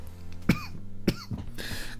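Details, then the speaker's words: Adult with sore throat and frequent coughing fits, no cold or runny nose, worst in the morning with mucus in the throat: two short, sharp cough bursts then a rougher throat-clearing sound, over soft background music. "es ist lediglich der husten der mich momentan ziemlich ärgert am schlimmsten ist es morgens wenn man aufsteht denn dann ist noch der komplette schleim im rachen"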